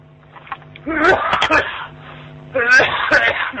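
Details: Staged, simulated cough heard over a phone line in a prank call: two harsh, voiced cough bursts, acted rather than real illness.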